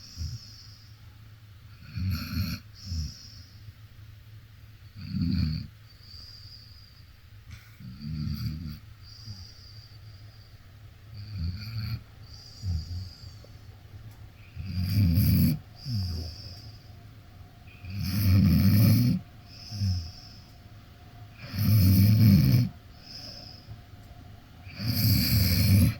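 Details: Deep, low snores from a sleeping Akita dog, roughly 17 per minute, with quiet gaps between breaths; she sleeps in strawberry pajamas covering her eyes from the light: snoring.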